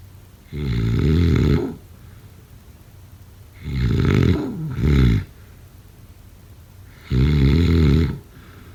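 Deep, rumbling snores in irregular bursts, one doubled, about 20 a minute, over a steady low room hum. Snoring.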